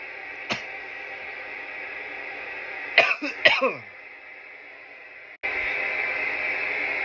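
A few short, harsh coughs over steady room noise, three in a quick cluster; irritant coughing after inhaling smoke.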